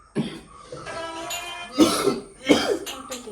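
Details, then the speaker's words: Adult man coughing: three short, harsh cough bursts with a faint tonal sound in the background between them; a plain cough. "കേട്ടോ, ചുമയാണ് guys."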